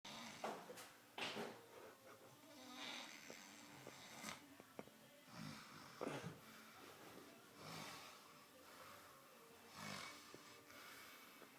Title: Nasty Snoring